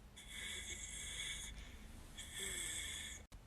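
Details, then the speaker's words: Imitation of labored breathing: two long, strained breaths with a high whistling edge. The person describes respiratory distress at school when her rib and hip were crushing her right lung. "she could hear that i literally couldn't breathe because this is what my breathing sounded"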